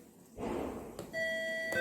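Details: Hospital nurse call bell system demo with bedside units paired to a numeric display: a steady electronic alert tone over brief room noise, signalling a patient's call from a bed.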